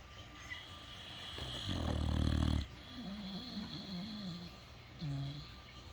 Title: The Sleeping / Snoring Critters 🤪🤪😴😴😴